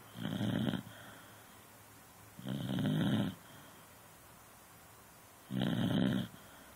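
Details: Beagle asleep on a couch: three deep, rattling snores with quiet pauses between them, about 20 to 25 a minute; snoring.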